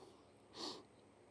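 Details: Male dressage horse under chiropractic treatment, resisting a stretch; a single soft, airy snort through the nostrils in a quiet space.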